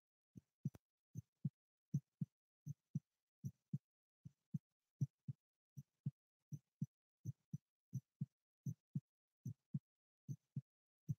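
Quiet, regular paired low thumps of a heartbeat, about 75 beats a minute, with no extra sounds.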